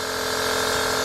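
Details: Nebulizer running during an inhalation treatment for a girl sick with a virus and coughing: steady mechanical hum and hiss, while she is told to breathe in through the mouth and out through the nose, and vice versa.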